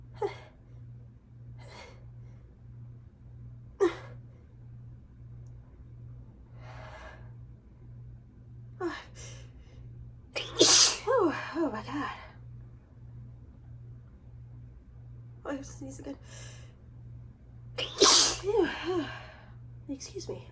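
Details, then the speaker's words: Sniffing and catching breaths build up to two forceful sneezes over a steady electrical hum; allergy sneezing in an adult after leaving a window open. "I'm gonna sneeze again I was right thank you I left the window open for a while"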